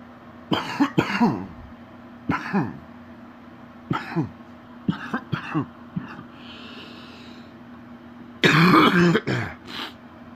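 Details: Several deep, rattly coughs in bursts with throat clearing from a sick adult man with a very stuffy nose; wet productive cough with mucus.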